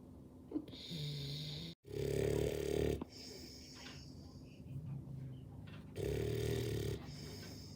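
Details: One of three sleepers snoring loudly enough to keep others awake: loud, rough, rattling snores on each breath with quieter breathing between them.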